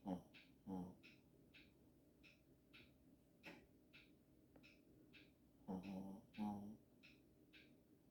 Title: Snore Boi